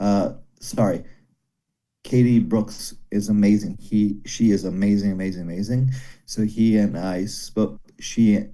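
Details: Broca's aphasia in a man after a stroke during heart valve surgery about 17 years ago; comprehension reported intact, speaking very hard; daily speech therapy, improving slowly.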